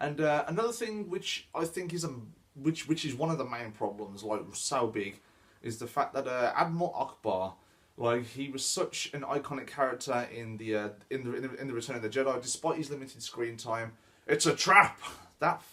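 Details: Stuttering (stammer) in a male speaker who reports he stammers; this stretch has repeated words.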